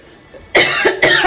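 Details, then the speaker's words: Two sharp, loud cough bursts after a quiet moment from an adult woman with a cold in its second phase; she says her cough has worsened and she is sneezing in the mornings. "मेरे को खांसी अभी उल्टा ज्यादा वो दिख गया।"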